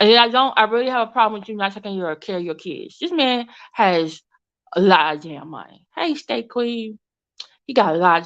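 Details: Woman with an overbite who recently got braces and a tongue crib ("tongue tamer") that stops her tongue pushing against her teeth; she calls it her current speech impediment; lisp-like articulation with orthodontic appliance.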